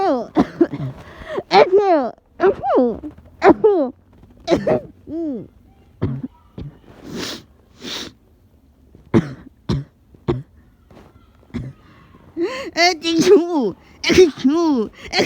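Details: Repeated voiced coughs and throat clearing in short bursts with pauses, in a person getting sick with a cold who also had a nosebleed; cough.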